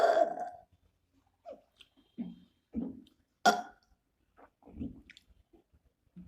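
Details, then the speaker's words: Deliberate burping during a 5-minute burping challenge: one loud burp, then several short, weaker belches separated by pauses in a quiet room; she calls herself horrible at burping. "Oh my god, I'm horrible at burping. I will admit."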